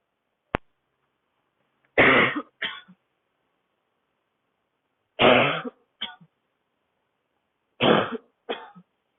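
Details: Adult woman with a tight throat on a cold-air street walk: dry, barking cough during a public coughing fit.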